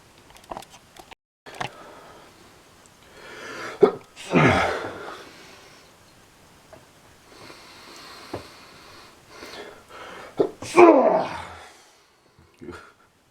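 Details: Person with summer allergies: two loud, explosive sneezes, each preceded by a sharp inward breath, with sniffing and quieter noises between; intense allergic sneezing.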